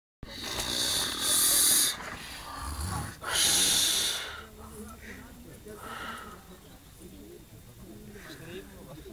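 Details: A person snores, with two loud, harsh, rasping breaths followed by quieter snuffling breaths, with faint room noise; snoring.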